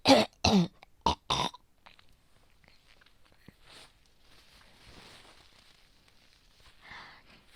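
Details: Worsening respiratory infection of unknown cause with non-stop cough, heavy yellow-green phlegm and sleepless nights, tagged cold, asthma and bronchitis: four harsh, rattly coughs in quick succession, then quiet breathing and faint rustling; productive wet cough.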